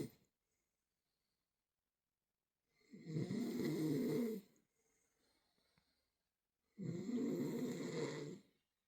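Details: Dog snoring: two rasping, rattling snores separated by quiet pauses in a silent room.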